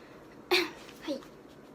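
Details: A single brief throat clearing: a sharp burst followed by a soft voiced tail, in a quiet room.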